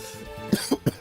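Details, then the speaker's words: Three short, sharp coughs in quick succession from an adult with a chronic breathing problem who says this is fairly normal for them, over soft background music. "Am I okay? The answer is no because uh you can hear me coughing. You can clearly tell that"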